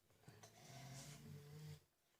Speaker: By the way, noises you can hear are my dogs. There's snoring, there's baby puppies, and yeah, they're from my dogs, just letting you know.